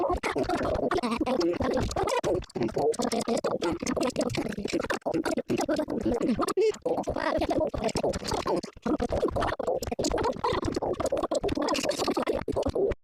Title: Annoying growl stomach growl hungry speed up